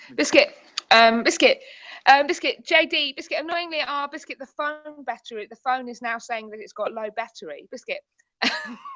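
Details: Tourette syndrome in a woman, with repeated involuntary vocal tics of the word "biscuit" that she cannot control, sometimes triggered by things seen or heard; Tourette syndrome vocal tics.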